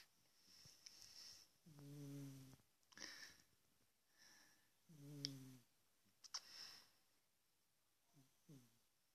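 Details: A big sleeping cat, recorded with a smartphone, snores with rhythmic rumbling and breathy, whistling exhalations, about three cycles in nine seconds, in a quiet room: snoring.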